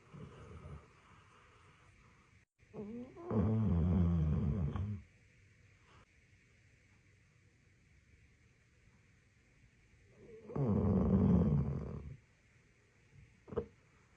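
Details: Labrador dog snoring: two long, loud, rattling snores about seven seconds apart in a quiet room with a steady background hum.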